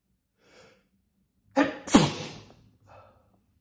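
A quick in-breath, then a wet, spluttering sneeze with a soft breath afterward.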